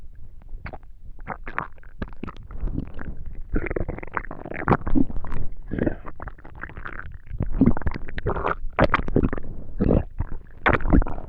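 Frequent low gurgles, squelches and rumbles come in irregular bursts throughout; these are active bowel sounds, ordinary stomach rumbling during digestion.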